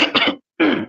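A brief rough cough burst, a pause, then a throat-clearing sound from an adult man.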